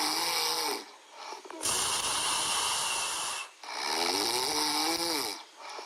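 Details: Sleeping Chihuahua puppy: loud, rough, human-like snores with a whistling, squeaky edge on each breath, about 28 a minute; snoring.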